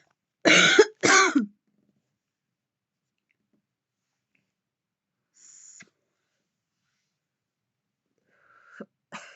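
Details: Woman coughing heavily after taking deep puffs while vaping, with intense coughing fits: two harsh, forceful coughs in quick succession, then near silence with faint small sounds.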